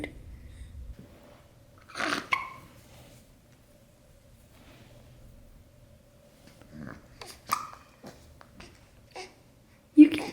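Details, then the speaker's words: Newborn boy just up from a nap, before tummy time, with several short, abrupt catches in breathing mixed with soft baby noises; infant hiccups. "it bud good job all the hiccups the hiccups make it harder huh good job"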